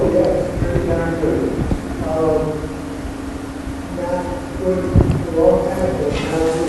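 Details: AphasiaBank sample of a patient with non-fluent aphasia, word retrieval problems and very impaired speech; Broca's aphasia.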